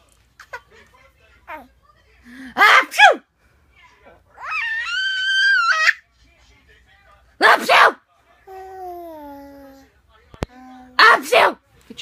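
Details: Adult's fake sneezes: three sharp sneeze bursts, each followed by a 6-month-old baby's high laughing squeals, in a quiet room; sneezing, acted.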